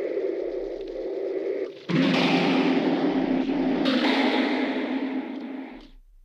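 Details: Simulation by a person with one functional ear of how a cheering crowd sounds through their cochlear implant two years after activation, even less similar to the original than a baby's cry.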